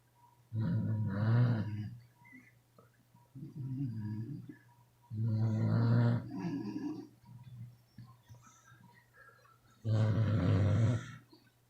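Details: Sleeping beagles snoring: three loud, low, rattling snores about 4 to 5 seconds apart, with softer breaths between them, in a quiet room.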